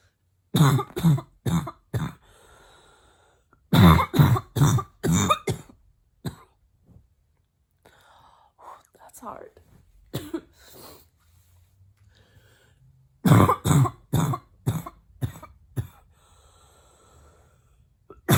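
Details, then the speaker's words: An adult woman imitates a barking cough with her mouth closed: about sixteen harsh coughs in three bouts. "hard oh my go it's hard to keep my mouth closed when the coughs are so hard"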